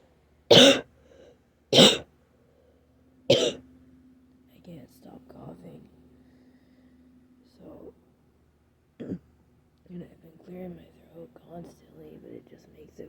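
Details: Adult still sick with a cold, very sore throat and losing voice: three sharp raspy dry coughs, then throat clearing and quiet hoarse speech.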